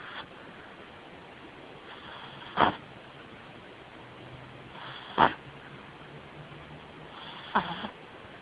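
Soft steady breathing broken by short snorting snores about every two and a half seconds from a sleeping puppy: snoring.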